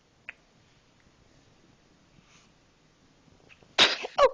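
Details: Sneezing: near silence, then two quick, sharp sneezes at the end.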